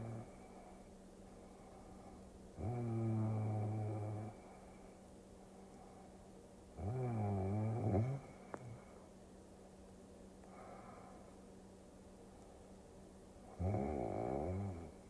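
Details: Three loud, rough, low rattling snores on slow breaths, separated by quiet pauses, over a steady background hum, in a sleep-relaxation ASMR recording; snoring.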